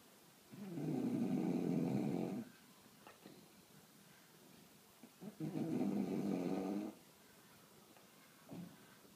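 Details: Sleeping bulldog: two long, rough, rattling snores about four seconds apart with quiet pauses; ordinary snoring.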